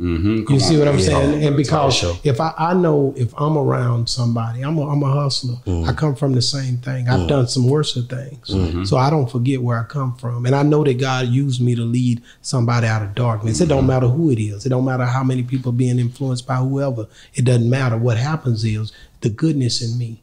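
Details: Adult male speaker; no speech disorder.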